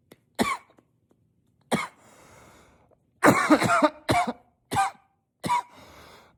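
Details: Unstoppable coughing spell, coughed into a pillow while trying to be quiet, yet loud and powerful: about six forceful bursts in quick succession, some muffled, with gasping breaths between.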